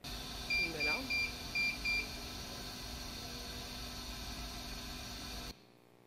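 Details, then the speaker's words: Temperature alarm from an incubator or warming table in a neonatal unit for premature newborns: a run of five short high-pitched beeps over steady equipment hum; incubator temperature alarm. "quand ils sont dans une couveuse nappe une table chauffante il ya des alertes pour la température de la couveuse ou la table chauffante"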